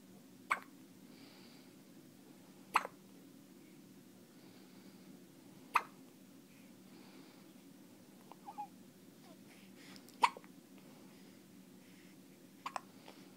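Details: Hiccups in a 1-day-old newborn: sharp, brief hiccup sounds recurring about 13 a minute, somewhat irregular, over quiet room noise.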